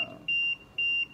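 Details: ICU ventilator alarm on an intubated (ET tube) patient, taught as possible low-pressure alarm from a cuff leak with no visible disconnection: two bursts of high steady electronic beeping.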